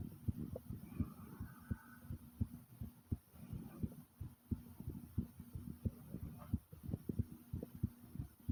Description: my heart was beating loud and fast and then my stomach growled along with it like comment subscribe and enjoy ❤ #tummynoises #heartbeat #subscribe